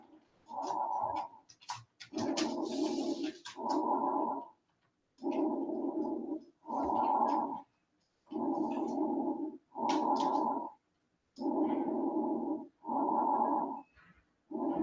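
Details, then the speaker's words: Normal bronchial breath sounds from a teaching sound library, not a live patient: loud, hollow, tubular breathing with a clear gap between inspiration and expiration. "bronchial breeze it's normal bronchial brace my dear"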